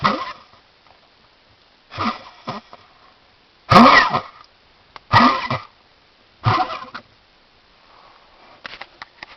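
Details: Dog cough of unknown cause; owner asks whether a bone is stuck in the airway or whether it is pneumonia: five harsh, honking coughing bursts a second or more apart, with sniffing and snorting between them.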